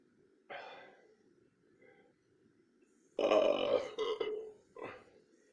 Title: Burping no 2